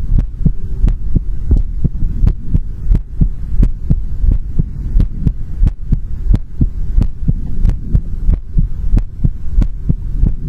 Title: ASMR Heartbeat Sound | Heartbeat Sound ASMR | 2022-02-16